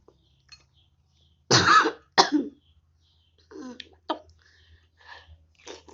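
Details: Two sharp coughs in close succession, then soft throat sounds and quiet mouth noises, from a person coughing while eating chicken noodles.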